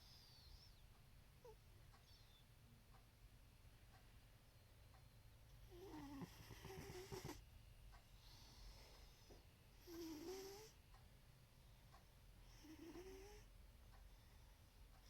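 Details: Snoring during sleep: soft, fluttery snores with faint squeaky whistles, about three in fifteen seconds, over steady low room hum.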